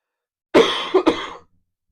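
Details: Adult coughing during a live Q&A stream, having warned viewers of repeated coughing; a single short, loose, throaty double-burst cough in a quiet room.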